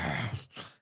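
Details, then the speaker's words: Snoring from a sleeping female dog possibly dreaming: a short low rumbling snore then a softer breathy trailing sound in a quiet small room. "Oh, Edy's snoring down there. Ed's having nightmares or something."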